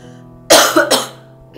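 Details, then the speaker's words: Two short, harsh cough bursts close together from an adult with a cold, hoarse nasal voice and runny nose (says not COVID), over a faint steady background hum. "duh ini suaraku sebenarnya tuh lagi serak dan lagi batuk-batuk tenang Aku tuh Enggak covid ya cuman kayak Lagi batuk aja lagi pilek"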